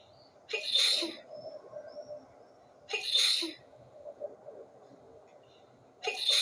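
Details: Sneezing fit at night with the window open, with many more sneezes after the recording: three hissing, explosive sneezes about every three seconds, with soft room noise between them.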